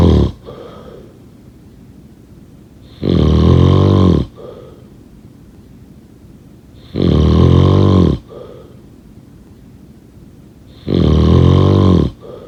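Loud rattling snores on each breath in, regular, about 15 breaths a minute, with quiet breaths out; heavy snoring.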